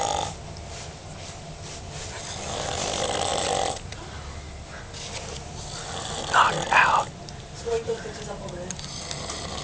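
Long rough breathing noises in slow cycles with a few brief louder snorts; snoring.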